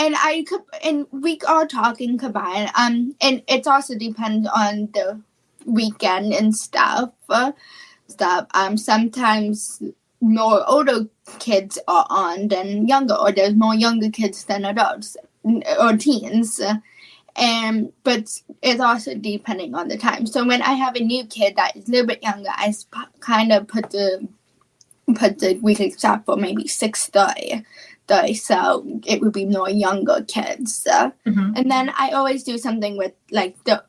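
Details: Childhood apraxia of speech, a neurological speech disorder, in a female high school senior who has had speech therapy since about age four and was once only 10% intelligible.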